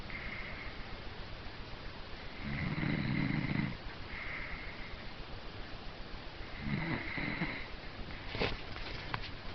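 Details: Coarse, low, rattling snores on each breath over a steady background hiss, from a snoring-championship winner. Loud snoring.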